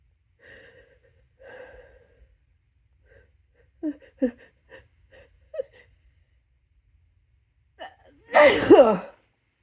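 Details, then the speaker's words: Deliberately induced sneezing: soft catching breaths and sniffs build up, then one loud, harsh, explosive sneeze; induced sneeze. "Okay, that sounds so silly when I sneeze like that."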